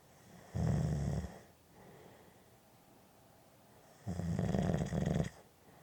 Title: Snoring Audio Clip 5 Minutes Black Screen